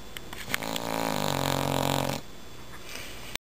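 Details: Dog snoring during sleep: a single long, vibrating, growl-like snore on the in-breath, followed by quieter breathing.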